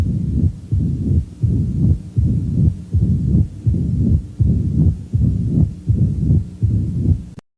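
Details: Low rumbling heart sounds repeating at about 81 a minute; mitral stenosis murmur.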